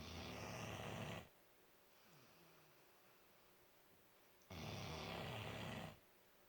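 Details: 4-month-old puppy snoring: two long, loud, rough rattling snores separated by a quiet pause; ordinary snoring.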